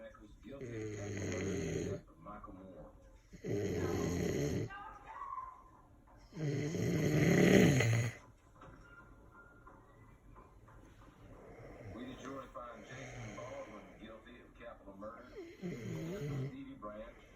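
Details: Man asleep with a drink in hand, tired after drinking, snoring: loud, rough snores about every three seconds, roughly 20 breaths a minute, fading to softer snoring breaths with faint room noise.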